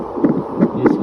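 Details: A rechargeable handheld fetal Doppler is demonstrated with its probe applied and volume at full. Rapid whooshing pulses form the amplified fetal heartbeat.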